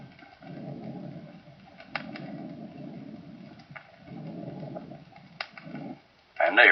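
Soft, blowing breath sounds rise and fall in repeated cycles over faint heart sounds, closely resembling the early diastolic murmur of aortic insufficiency.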